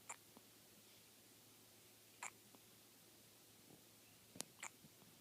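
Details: Brief sharp catches of breath recurring irregularly over quiet room hiss; a baby girl hiccupping before sleep.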